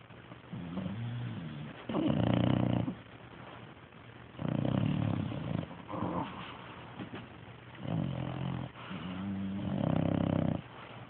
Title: Munster sleeping & snoring